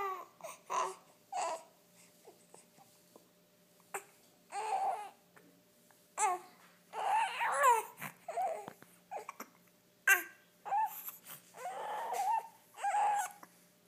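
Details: Infant during tummy time cooing and fussing, with short, abrupt catch-like bursts between sounds from ordinary baby hiccups.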